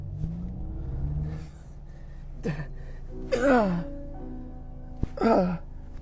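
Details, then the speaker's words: Adult man with Tourette syndrome having a tic attack while driving, with neck and back pain: sudden voiced gasps and strained vocal bursts over low car noise; vocal tics. "i have tourettes and today this is uh having a tick attack in the car part two i can feel it coming"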